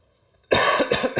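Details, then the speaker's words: An adult man whose voice is dry after a morning run gives a short, harsh cough with throat clearing, an ordinary harmless sound. "Excuse my voice. I went on a run this morning and I think it's got me [clears throat] a little dry."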